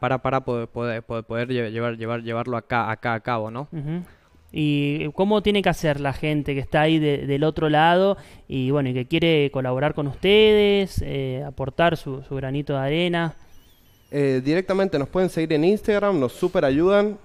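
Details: Young Spanish-speaking man from San Juan, Argentina, who co-created an app for people who stutter, speaking spontaneously in a broadcast interview. Stuttering.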